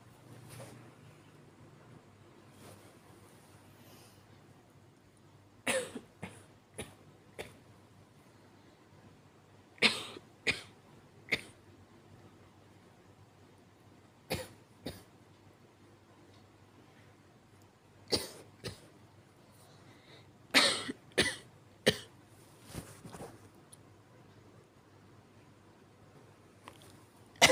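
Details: Acted weak cough: short, soft, breathy bursts in small clusters of two to four with quiet pauses.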